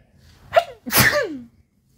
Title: The Boyz sneeze